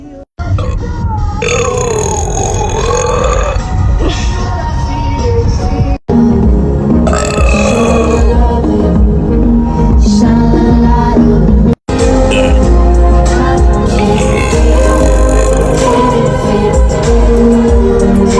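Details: Several long, loud, croaking belches over loud background music, with groaning before and after: burping.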